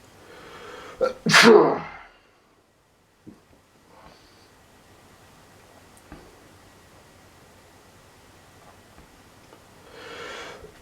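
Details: Person with daily allergies: one loud, forceful sneeze preceded by a brief intake, then quiet room sound and a soft later exhalation; sneezing.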